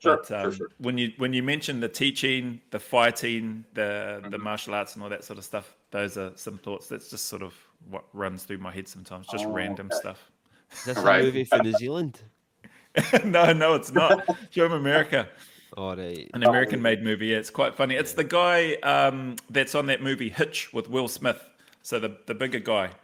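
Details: Adult male speaker; no speech disorder.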